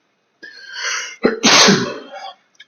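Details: Man sneezing from his two chinchillas' dust baths: a drawn-in breath, then one forceful explosive sneeze during a sneezing fit.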